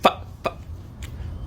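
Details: Simple vocal tics from a 26-year-old man with Tourette syndrome, performing stand-up: three abrupt, brief hiccup-like vocal bursts with no words.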